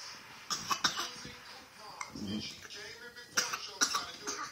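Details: Fake coughing, an imitated cough.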